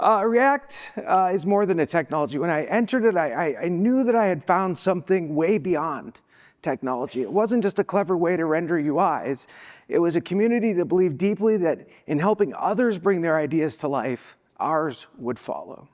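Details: Spasmodic dysphonia, a vocal disability, in an adult woman who states she is not sick.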